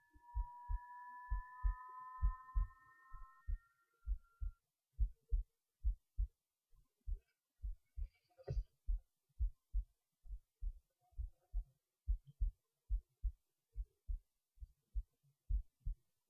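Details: Normal resting heartbeat recorded while lying in bed late at night before sleep: steady, regular, low thumps at about 66 a minute, with a brief tone at the start.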